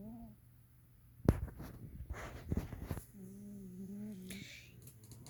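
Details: Heavy snoring from a sleeping pet cat: low, droning snore tones with a faint whistle, separated by brief rustling noises.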